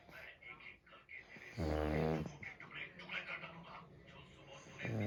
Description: Funny pug snoring….